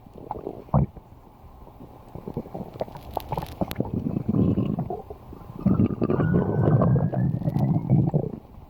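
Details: Low, irregular gurgling and rumbling rising and falling with a few squeaky tones: stomach growling (borborygmi), a normal digestive sound.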